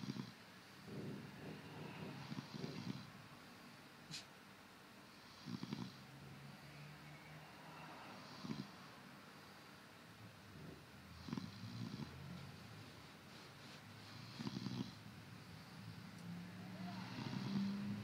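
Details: Person recording own sleep: low rumbling snores recurring every few seconds, about six in 18 seconds, with soft noisy breathing between; ordinary snoring.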